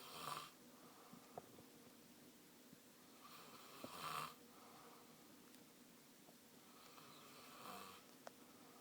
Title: Brother Snoring